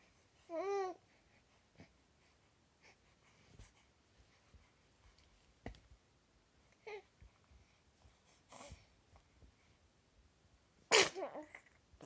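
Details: Baby makes a brief vocal sound, breathes quietly, then gives a single sharp, high sneeze near the end.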